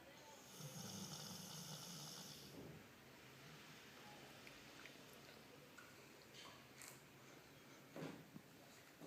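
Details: Dog snoring, recorded May 2013: a rough, rattling breath sound at the start, then quieter breathing with small snuffles against background room noise.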